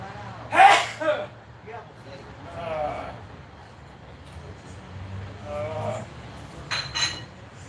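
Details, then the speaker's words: A sneeze heard in the background of a casual indoor livestream with music playing. "you guys hear that sneeze"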